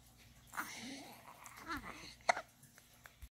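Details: Hiccups in a 4-day-old newborn boy: soft grunts and whimpers with one sharp, abrupt hiccup sound in a quiet room.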